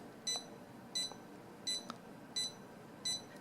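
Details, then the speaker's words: CMS50D+ fingertip pulse oximeter with pulse sound on, finger inserted: short electronic beeps repeat evenly, about 87 a minute, each tracking a detected pulse beat; pulse oximeter pulse beep. "hold the button down put my finger in so you can hear my heartbeat there"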